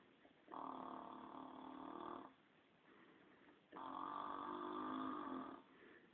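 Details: Snoring from a sleeping grandmother.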